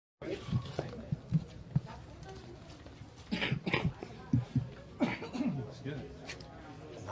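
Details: Adult male basketball coach coughing at a press conference, asked whether he has the same illness as a player: a few short, harsh coughs against room murmur and low voices.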